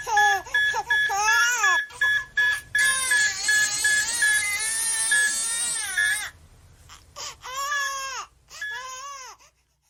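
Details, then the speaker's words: Simulated training audio cue: repeated high-pitched telemetry monitor alarm beeps signalling tachycardia over an infant's loud, rising-and-falling crying, used to add stress during procedural practice. "I'm a father, so I know that the sound of a crying baby gets my heart rate up. How about a crying baby and alarming telemetry?"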